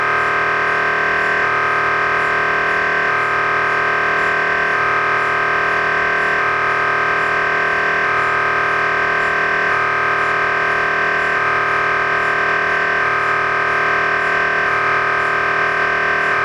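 Loud steady electronic droning with a rapid repeating pulse pattern, cycling every second or two, typical of an MRI scanner running.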